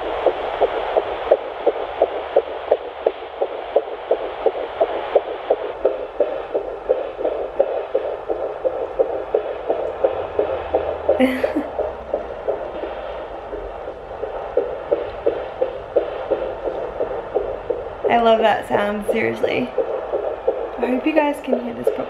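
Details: Fetal heartbeat at 10 weeks of an ICSI/IVF pregnancy on a home Doppler, now found centrally rather than left; rapid, regular galloping whooshes about 170 beats a minute; fetal heartbeat on Doppler.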